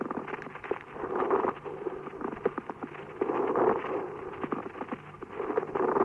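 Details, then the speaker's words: Pediatric auscultation teaching recording: grating, creaking crackles on inspiration and expiration, rising and falling with each breath, vanishing on breath-holding, changing with stethoscope pressure: a pleural friction rub. "Шум может выслушиваться при имитации дыхания и может изменяться при надавливании фонандоскопом и наклоне в здоровую сторону, тогда как кашель, глубокое дыхание, напротив, не изменяют интенсивность этого шума."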